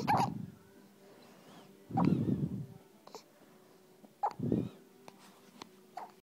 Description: ...... My baby has hiccups ..... sounds like a little puppy lol